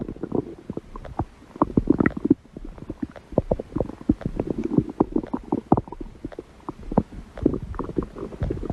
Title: My stomach growling fun #52